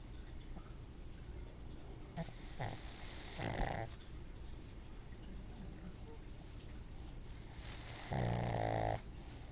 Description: Sleeping with her eyes open, Zelda snores pretty loud. It's not uncommon for pugs to snore, but Zelda snoring is rather rare. She only snores loud like this when she's really tired.